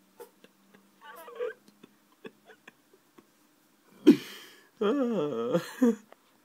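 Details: Hiccups in a male pet rabbit: soft, brief clicks repeating about every half second, followed by a person talking to him.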